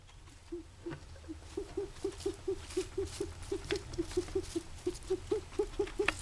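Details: Guinea pig in the morning, recurring episode, makes a rapid run of short squeaky whistling sounds about two per second; owner suspects wheezing.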